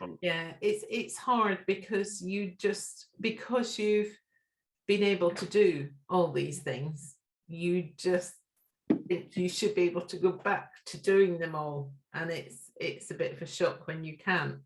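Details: Adult woman speaking; normal speech.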